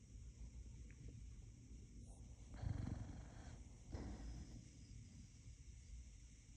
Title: Boxer dog snoring 😴 #shorts #short #shortvideo